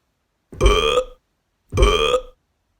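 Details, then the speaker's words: Two loud, deep, voiced belches about a second apart during a playful burp contest; burping. "let's do a burp contest oh my goodness this will be fun"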